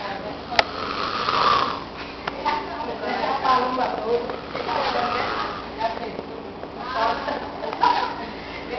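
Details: A male sleeper snores at night: rough, rattling breathing sounds repeat with each breath in a small room.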